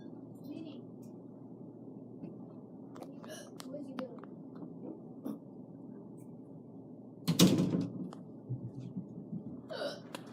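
Quiet room with faint talk, then one abrupt, sharp catch of breath: a single hiccup.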